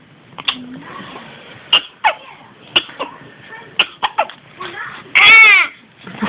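Repeated short, sharp catching sounds about a second apart, then a brief vocal cry; a bout of hiccups.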